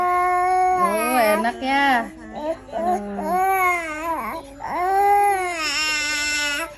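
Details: Baby with cough and cold crying: fussy, wavering cry with rising and falling wails and brief whimpers, an adult's voice nearby.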